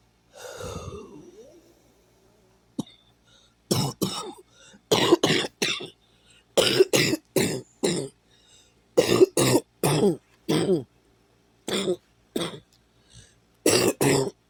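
Repeated short, harsh coughs, often in pairs, about eighteen bursts over roughly ten seconds.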